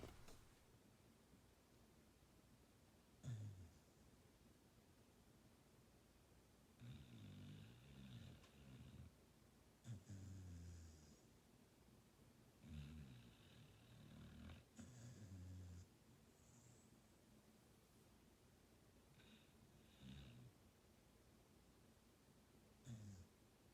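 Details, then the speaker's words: Dog Sandy, asleep and twitching, snores in slow rumbling breaths with quiet pauses between them; snoring. "I don't know if she's sleeping sometimes you can hear her snoring but I took a video of sandy snoring and twitching and then a brief sandy - interaction for the final clip before I end the show over here"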